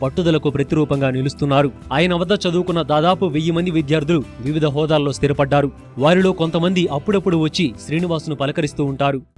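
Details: Adult male narrator; Typical speech.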